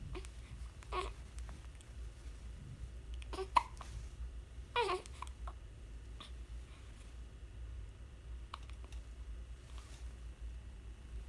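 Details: A one-week-old infant hiccups: several brief, sharp, abrupt vocal catches spaced apart, in a quiet room with a steady low hum.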